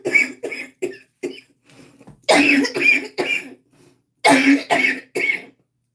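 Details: Cough in interstitial lung disease.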